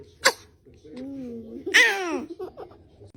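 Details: Infant sneezing: a short, sharp sneeze from a baby, then soft cooing and a second higher burst, as a caregiver says "bless you."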